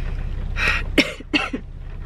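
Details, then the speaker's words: Woman 14 weeks pregnant, still severely sick, vomiting again after getting back into her car in the rain: several forceful, harsh retching bursts in quick succession from pregnancy nausea. "got back in just threw up some more so I'm 14 weeks and still barfing"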